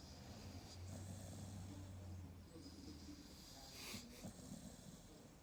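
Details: American Staffordshire Terrier (AmStaff) dog snoring: soft, low, rumbling breathing noise during sleep with a faint snort near the end; mild snoring.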